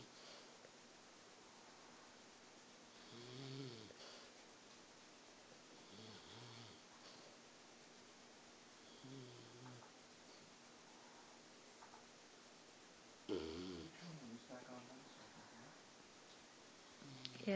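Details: Soft, low rattling snores every few seconds over faint room hum; quiet snoring.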